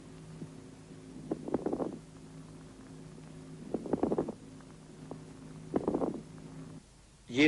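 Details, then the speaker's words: Moist crackles (wet rales) over the lungs from fluid secretion collecting in the bronchi: bubbling, crackling bursts with each breath. "при скоплении в рамках жидкого секрета над легкими можно выслушать влажные хрипы"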